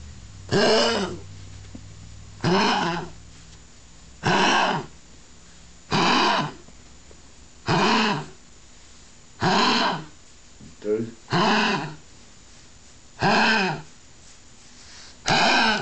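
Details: Small-breed dog diagnosed with tracheal collapse, also with myxomatous valve degeneration murmur, on medical treatment: repeated harsh goose-like honking coughs typical of tracheal collapse.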